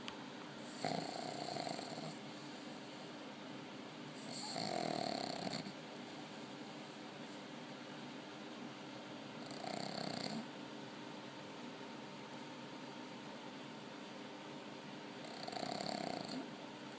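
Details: Soft, raspy snores at irregular intervals over steady room hum from a sleeping pug; snoring.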